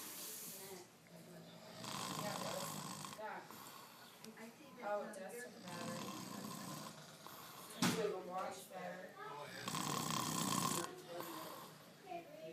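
Loud, rough snoring with rattling breaths repeating every few seconds, mixed with background voices or television; ordinary snoring.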